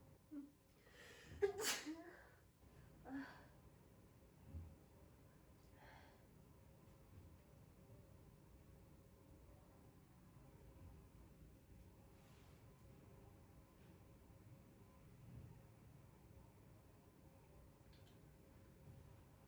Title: ASMR 중국 친구의 코청소 재채기 실패로 직접 받았습니다. 결과는?